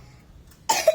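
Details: Child singing practice before a stage performance: a single abrupt cough burst following near-silence.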